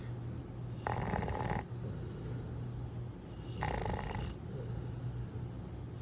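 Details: Soft, wheezy snoring breaths about every three seconds over steady room hum: snoring in a sleeping American Bully puppy, male.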